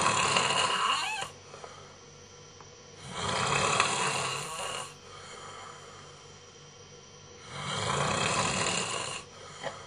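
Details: Adult man asleep snoring: loud, harsh rasping snores, three over ten seconds, about 15 breaths a minute, with quiet pauses between.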